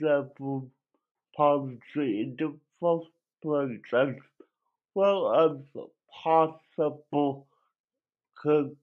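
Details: Dysarthric speech in an adult male with cerebral palsy; the condition affected his voice, and he cannot walk and has muscle spasms.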